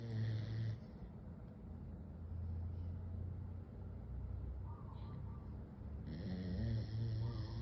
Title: Puppy snoring